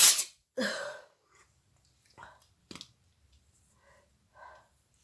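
A loud, sharp sneeze opens, followed by a second burst and a few softer sniffs and breaths in a quiet room.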